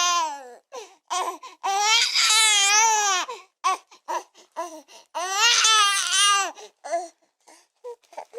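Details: Newborn baby crying hard: loud, high-pitched wails in long bursts separated by short breaths and sobs; a vigorous newborn cry.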